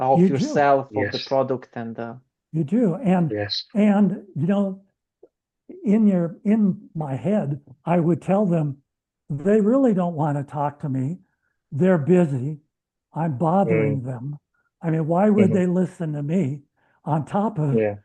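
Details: Adult man with lifelong stuttering, three months into a treatment program, speaking with his short-stops speech plan; he reports no stuttering since starting; treated stuttering, fluent speech with short pauses.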